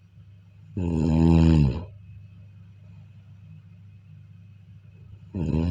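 Loud rumbling snore on inhalation, then quiet exhalation, then the next snore begins; typical snoring.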